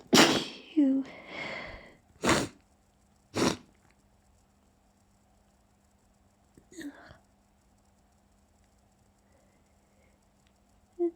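A burst of several sneezes, some partly held back, then a faint sniff in a quiet room.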